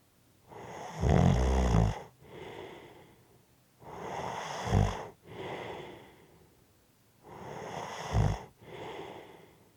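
Loud rattling snores on each breath in, with a softer breath out after each, about three breaths over ten seconds; heavy snoring.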